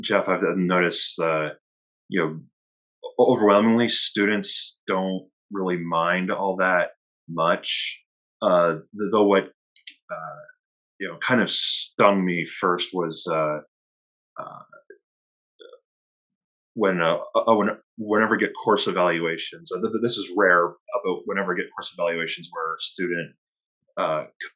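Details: Stuttering in an adult male retired academic who has stuttered since youth, when he spoke only with great difficulty, and now has reasonably good control most of the time; part-word and word repetitions are present.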